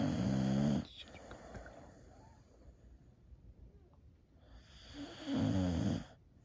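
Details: Old female Boxer dog, feeling a little down, snoring while asleep: deep, vibrating snores with quieter breathing between them.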